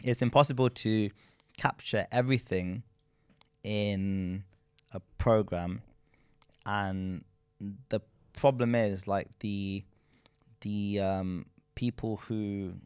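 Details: Adult man who states he is a person who stutters, speaking in a group discussion; stuttering.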